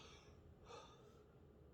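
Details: Stethoscope auscultation of a 32-year-old man's back during a nursing respiratory assessment, one deep breath in and out; soft airflow, no wheeze or crackles; loud, clear breath sounds in all four quadrants: normal breath sounds.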